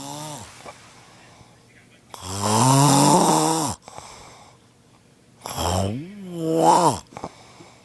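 Two loud, rough, rattling breath sounds with a deep vibrating tone, separated by quiet pauses; typical snoring.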